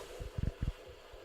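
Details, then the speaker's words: Fetal heartbeat at about 15–16 weeks of pregnancy, played back for listeners: rapid, soft, whooshing low thumps, roughly 140–160 a minute. "I don't know if the radio people can hear it, but that's my baby's heartbeat."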